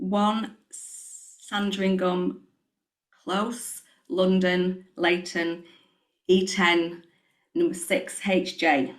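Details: Covert stammer in an adult woman, recorded on her first day before starting a stuttering programme; she describes substituting other words before the intended word and head nodding; stuttering (covert stammer).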